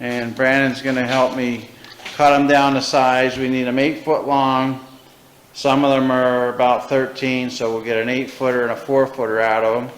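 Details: Adult man speaking; typical adult speech.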